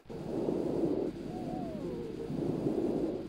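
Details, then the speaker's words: Simulated auscultation of the front of the chest on a teaching model in severe asthma: high, musical expiratory wheezes, contrasted with normal vesicular breathing. "be able to appreciate the the V's that you can hear on the expiration."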